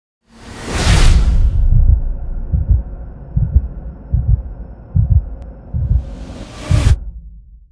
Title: Cinematic Transition Swoosh Heartbeat - Sound Effect